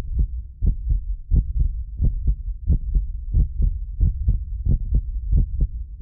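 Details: Heartbeat of a self-described medically fit person, recorded with several precision contact microphones for ASMR: steady low lub-dub at about 90 a minute; occasional doubled clicks come from a ~6 ms delay between microphones; normal heart sounds.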